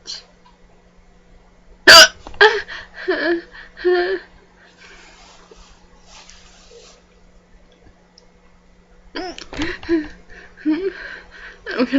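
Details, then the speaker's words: Person with loud, painful hiccups: abrupt catch sounds interrupt breathing, with brief voiced gasps between them. "I have hiccups get very unattractive hiccups the kind that are really scared when they come it hurts God I hate having eups so"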